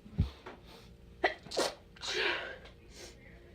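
A series of sharp, explosive sneezes, about four bursts in quick succession, with quiet room noise between them.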